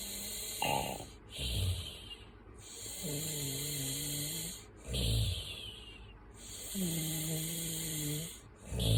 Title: Snoring 4